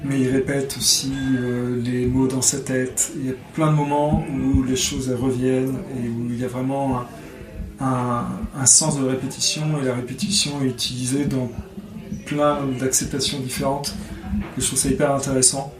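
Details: 46-year-old adult who has stuttered since childhood; stuttering.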